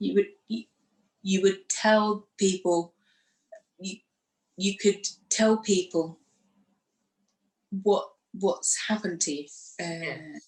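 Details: Woman who had a stroke after surgery in 2018, aged 44, lost her speech, and now lives with post-stroke aphasia.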